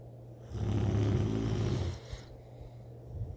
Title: snoring 💏 😴 💕 🛌 like a grisly bear